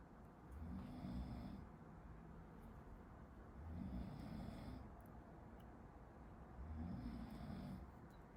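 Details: A person sleeping behind a medical student during a study-with-me recording snores: soft, low, rattling snores about every three seconds under steady room noise.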